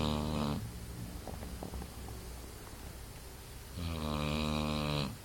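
Two loud, buzzing snores on breaths in, a few seconds apart, with quieter breathing between; ordinary snoring in a sleeping dog.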